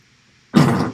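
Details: A single abrupt, forceful adult sneeze after near silence.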